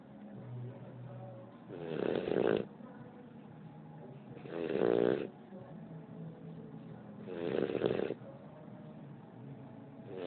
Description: Our Great Dane puppy Noa (12 weeks old at the time) snores a bit...cutie!